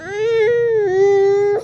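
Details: Baby girl crying while hungry as her mother prepares food: a single sustained, clear-pitched infant wail.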